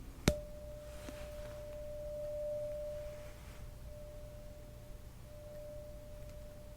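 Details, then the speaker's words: Roleplayed (ASMR, simulated) hearing test: sharp strike then steady pure ringing tone fading over seconds, a tuning fork demonstrated once at each ear before a lateralization test where the patient, eyes closed, says which side they hear it. "When I do, you will hear a vibration sound. I'm going to do it once on each ear so that you can hear what it sounds like, and then after that I want you to tell me which side you hear it from when you close your eyes, okay?"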